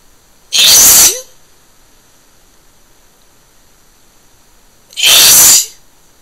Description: more of the same,few wet ones with itching breath, and a small nose blow at the end